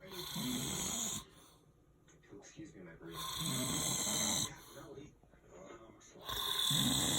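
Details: Adult man snoring, recorded close up: loud, rough snores on the in-breath, about one every three seconds, with quiet pauses between; ordinary snoring.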